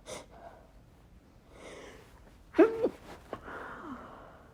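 Soft breathy intakes, then a short, choked burst held back in the nose and throat, then a quiet exhale; a stifled sneeze.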